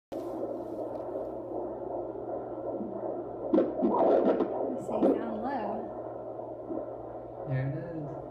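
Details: Fetal heartbeat on Doppler at 16.5 weeks of pregnancy: rapid whooshing pulses, broken by louder scraping bursts as the baby moves and the heartbeat is lost.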